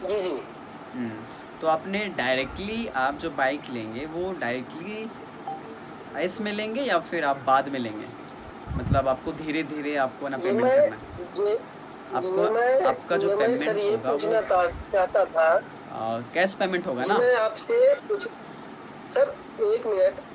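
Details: Stuttering in a 29-year-old man in a stammering practice group, with long pauses and blocks; body freezes and breath stops while speaking.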